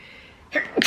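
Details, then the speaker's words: Adult reporting frequent sneezing and feeling hot gives a single sneeze: a quiet pause, a brief sharp inhaled burst, then a forceful hissing expulsion of air. "Also, I've been sneezing a lot."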